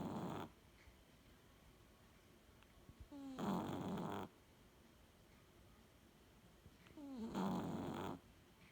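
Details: Snoring recorded 05/03/18: slow, rhythmic rattling breaths with a soft whistle at the start of each, about 15 a minute, in a quiet room.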